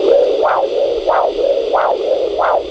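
Regular pulsing whoosh of arterial flow at the ankle, about 90 a minute, heard on handheld Doppler during ankle pressure measurement.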